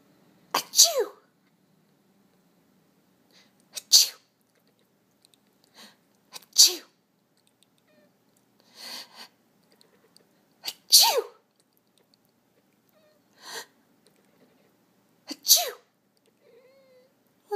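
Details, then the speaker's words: About seven repeated sneezes from a person, possibly fake, spread over many seconds, with soft cat sounds between as the pet cat gets annoyed by the sneezing. "wrong Rory you don't like the sneezing Rory okay I'm all done no more sneezing"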